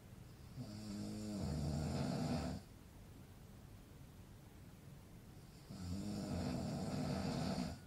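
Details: Adult man snoring: two loud, harsh, rumbling snores on breathing in, about five seconds apart with quiet breathing-out gaps; ordinary sleep snoring.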